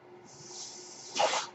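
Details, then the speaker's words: The speaker's own mechanical ventilator, audible in the background while he talks; one breath cycle of the ventilator. "hello everyone my name is that noise you're hearing is my ventilator"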